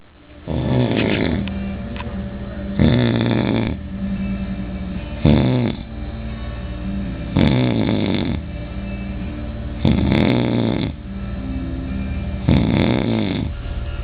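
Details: An uncle snoring very loudly: heavy, harsh, rattling snores on breathing in, about every two and a half seconds, with rough breathing out between them.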